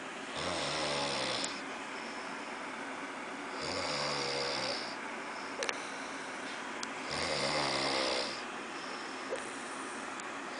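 Three rumbling, rattling snores on the in-breath, about 17 breaths a minute, with quiet out-breaths between; ordinary snoring.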